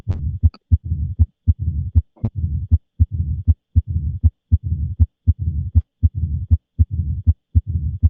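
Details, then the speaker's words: Mitral stenosis, Duroziez rhythm: loud first sound, doubled second sound with opening snap, then low diastolic rumble at about 79 a minute. "Vamos a escuchar el ritmo de duros no entonces aquí está s1 s2 y vamos a ver este retumbo o sopló de asó elal el famosísimo este rustat a d si parece rata o no lo escuchan sí"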